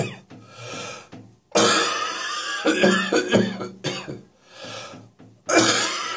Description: My cough is becoming slightly dryer now, but still putting on a good performance first thing in the morning.